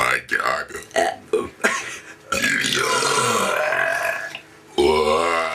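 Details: Two friends burping on purpose for fun: short vocal bursts, then a long loud belch and a second belch at the end.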